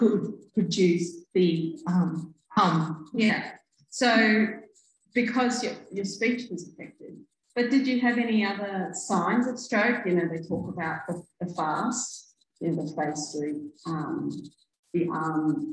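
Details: Adult woman speaking in conversation; typical speech.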